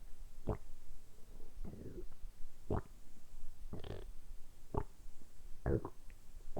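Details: Low gurgling bursts about every second against a quiet hiss from the belly, deliberately produced for ASMR; ordinary harmless stomach rumbling, borborygmi.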